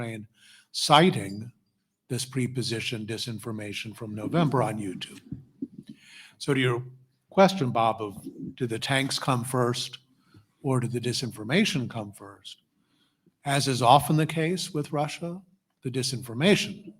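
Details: Adult male speaker; normal voice.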